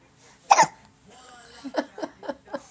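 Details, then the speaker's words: Infant hiccups: one sharp hiccup, then a run of small, quick catches in the breath. "somebody's got the hiccups I wonder who it is hi baby hi baby"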